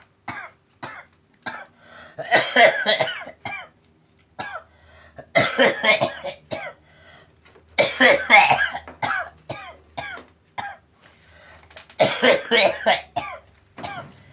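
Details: Man with a cough attributed to supernatural disturbance, during nerve-pressure (totok saraf) therapy: repeated harsh cough bursts in clusters with throat clearing, several fits over about fourteen seconds.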